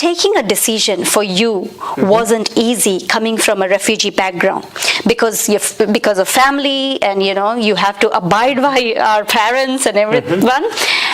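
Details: Adult woman speaking; Normal speech.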